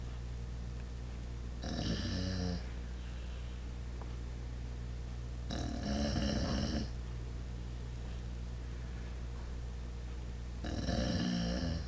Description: I was minding my own business when I heard a rumble and a grumble. It was only me and Max. I knew for a fact that the sound was not coming from me.